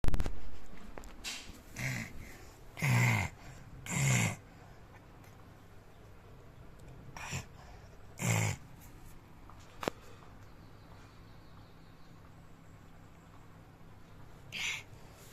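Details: Three-year-old child imitating his father's snoring: several short, throaty snore-like sounds, an acted imitation rather than real sleep snoring.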